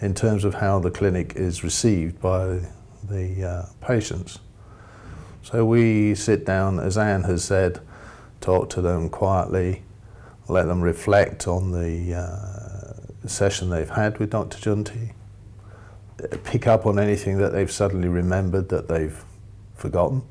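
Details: Adult male speaker; normal speech.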